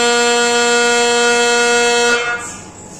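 Loud steady buzzing drone from an MRI scanner that cuts off abruptly after about two seconds, leaving quieter room noise.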